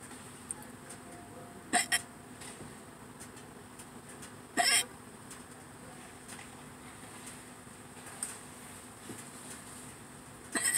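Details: Hiccups recorded in a parking lot before eating a Subway meal; sharp, brief throat catches at irregular intervals, about four over ten seconds, against quiet background: hiccups.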